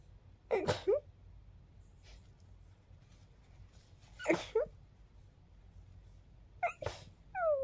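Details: Three short, sharp sneezes several seconds apart in a quiet room, sounding like a small animal; sneezes described as girlier than expected; sneezing.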